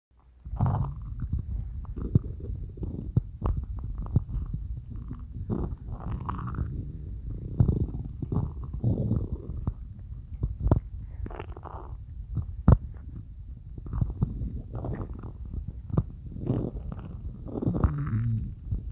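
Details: Stomach growling (borborygmi) that woke the person up: loud, gurgling low rumbles and squelches from the belly.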